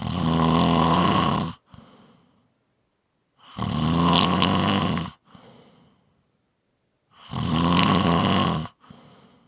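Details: Heavy snoring: loud, rumbling snores on each breath in, about 17 a minute, each followed by a soft breath out.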